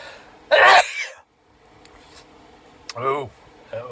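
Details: One loud, forceful sneeze followed by brief voiced sounds and breathing in a small room; part of a run of repeated sneezes, with the right nostril reported burning.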